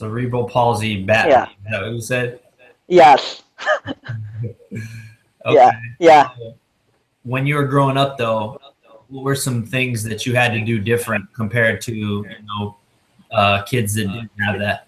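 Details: Adult man speaking; typical speech.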